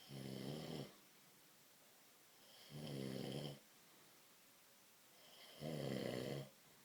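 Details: An adult man snoring in sleep, loud enough to hear from another room: regular buzzing snores roughly every three seconds, about 20 breaths a minute, with quiet pauses.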